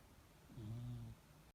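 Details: Persian cat snoring.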